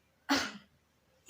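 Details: A single short acted cough or sneeze burst, muffled as if covered by a hand, performed in a cough and sneeze etiquette demonstration that first shows incorrect ways of coughing; an acted cough.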